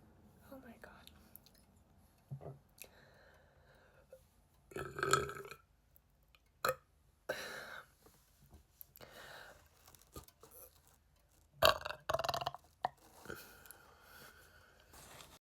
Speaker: Some of them are like gurgly and like airy. Well, like gurgly or airy.